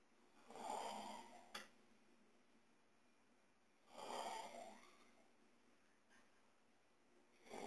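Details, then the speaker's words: An adult brother snoring at 3 a.m., though he claims he doesn't snore: rough, rattling snores on each in-breath, about 17 breaths a minute, in a quiet room. "isso é meu irmão roncando e olha que ele fala que não ronc"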